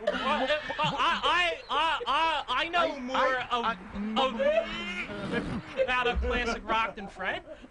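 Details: Adult man known as a stutterer, a trivia game contestant whose stammering the host mentions; stuttering.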